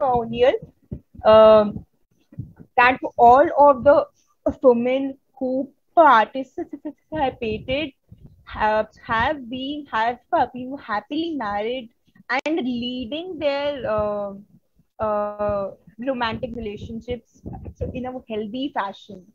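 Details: Adult woman who stutters, a member of an Indian stammering association, presenting on women and stuttering at a 2022 stuttering conference; stuttering.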